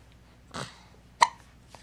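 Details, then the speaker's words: Two soft, abrupt hiccups about two-thirds of a second apart from a smiling baby girl, in a quiet room; hiccups. "uh oh hiccup you can smile through the hiccups right can you can you smile through the hiccups"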